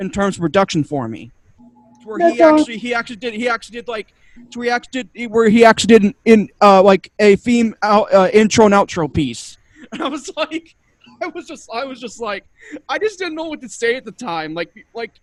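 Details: Adult male guest on a cerebral palsy community podcast, with two diagnoses, who stutters a lot, especially when unsure what to say; he attributes it to his other diagnosis. Finding: stuttering.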